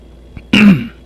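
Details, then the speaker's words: An adult who says they are not sick has had small, raspy "baby" coughs and gives a single short, voiced cough close to a throat-clear in a quiet room. "I've been kind of getting like a just little baby coughs they aren't like big ones or anything like that and as you can hear it's a little raspy or whatever"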